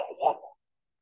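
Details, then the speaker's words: Brief, low, gurgling vocal imitation of rhonchi, described as a big gurgly mucus sound in the airways, demonstrated during an EMT respiratory emergencies lecture; not a real patient recording. "mucus sound usually bronchi comes from the rails the crackles"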